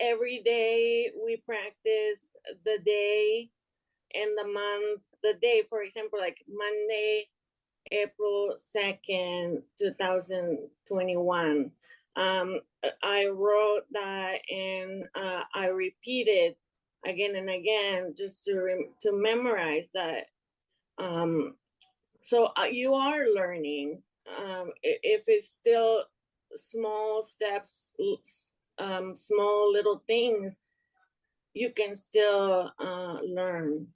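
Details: Young adult woman with aphasia after an ischemic stroke in March 2020 that left her unable to speak and affected her right side; still recovering, struggles to find and express words; aphasia.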